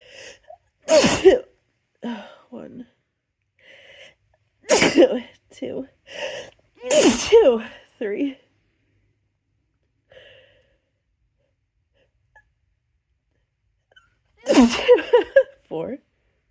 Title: counting how many times I sneeze in 1 minute